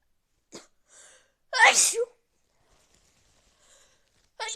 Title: Big sneezes cold part 2